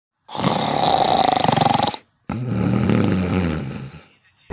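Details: Comedy skit of an official snoring while asleep on duty: two loud, rattling snores, the first on the in-breath with a fluttering buzz, the second a rougher, lower out-breath.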